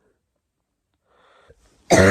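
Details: Dry cough from an adult isolating with COVID-19 caught over Christmas.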